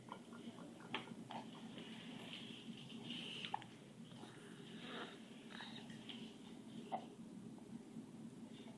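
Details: 3-month-old infant with hiccups: three brief, sharp catches about three seconds apart over soft background noise in a quiet small room.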